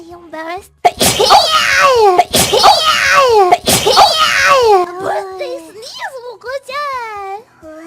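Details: Three high-pitched sneezes in quick succession, each with a squeaky voiced tail, then brief high vocal sounds, from a VTuber during a birthday stream; sneezing.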